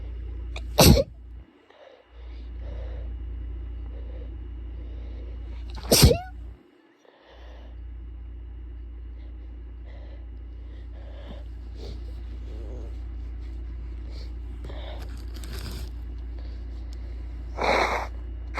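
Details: Adult sneezing induced by tissues reeking of petroleum-jelly-scented lotion, with nose blowing and coughing: three sharp, explosive sneezes, spaced apart, over a steady low background hum.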